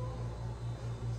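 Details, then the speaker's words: Dog's heart auscultated with a stethoscope at the cardiac apex while the femoral pulse is felt and the dog breathes: high but normal heart rate, normal heart sounds. "é que a frequência é alta né normal"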